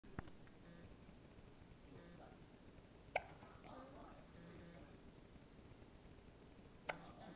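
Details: Trevor, awake with eyes open and staring, has hiccups: three brief, sharp hiccup clicks a few seconds apart over a quiet room hum; hiccups.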